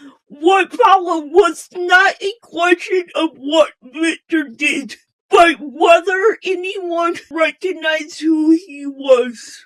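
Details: Female host with a self-stated speech impairment; speech impairment.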